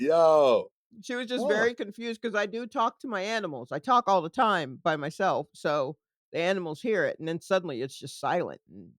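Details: Adult woman speaking; no voice disorder.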